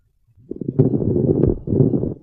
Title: Abnormal lung sounds#ytshorts #shorts